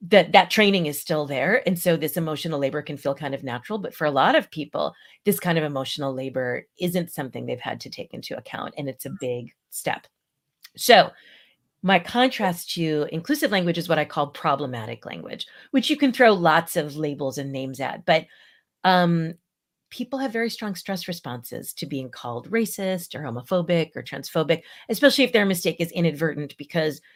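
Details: Adult speaker; normal speech.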